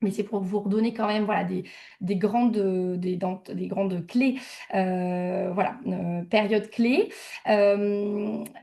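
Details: Adult speaker; typical adult speech.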